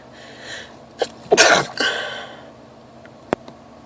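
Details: Allergy-related sneezing fit with itchy, heavily watering eyes: a sharp in-breath, then a loud explosive sneeze and a smaller click-like sound, in a quiet room.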